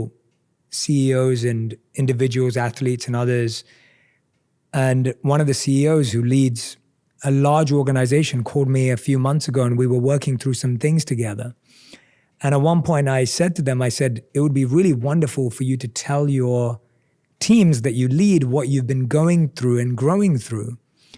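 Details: Adult man; typical speech.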